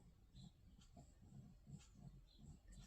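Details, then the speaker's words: Small dog snoring: soft, low, rhythmic snuffling rumbles repeating steadily, with faint room and outdoor noise from an open window. "On entend le petit chien qui ronfle."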